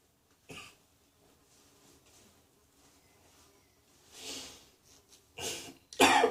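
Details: Three or four short, harsh cough bursts with quiet gaps between them in a small room; repeated coughing.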